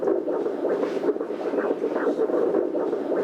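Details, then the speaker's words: Fetal heartbeat on ultrasound Doppler in a late pregnancy about two weeks before delivery, mother with earlier raised blood pressure now normal: rapid whooshing pulses about 160 a minute, a normal fetal heart rate. "살짝 볼까요? 심장 뛰는 소리 들려드릴게요."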